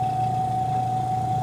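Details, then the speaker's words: Portable suction machine left running with a steady motor hum and high whine while supplies are set up in a tracheostomy suctioning demonstration; suction verified with a gloved hand at the tubing end. "I'll leave the suction running while I set up my supplies"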